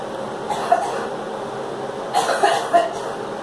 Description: Girl coughing